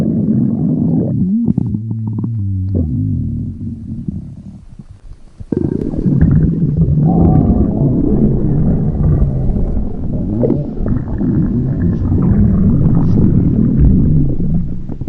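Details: Stomach growling (borborygmi): low rumbling and gurgling with shifting, irregular pulses.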